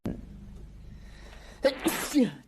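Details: Quiet room noise, then one sharp explosive sneeze with a brief voiced tail afterward.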